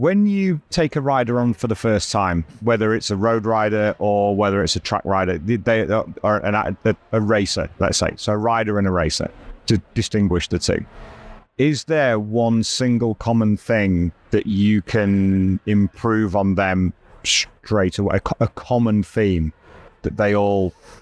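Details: Adult man speaking; normal speech.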